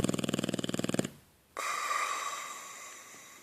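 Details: Boxer dog snoring: about one second of rapid, fluttering snorting pulses, then a steadier hissing sound.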